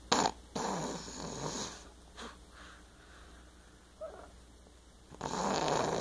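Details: Snoring: irregular, loud, harsh, noisy breathing bursts with quieter gaps between them.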